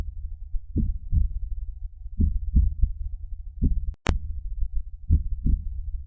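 Slow, regular paired lub-dub heartbeats, about 42 a minute, in a heartbeat sound effect.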